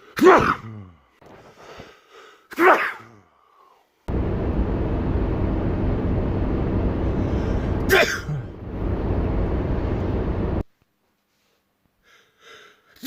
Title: World Loudest Sneezes